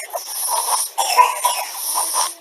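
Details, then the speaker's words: Soft, not very loud snoring breaths from a sleeping child with obstructive sleep apnoea; periods of silence may represent pauses in breathing. "you know you might not feel that this is very loud snoring at all"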